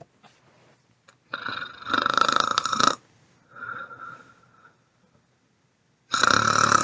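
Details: Harsh snoring: loud, rough, rattling breaths in bursts with quieter noisy breaths between.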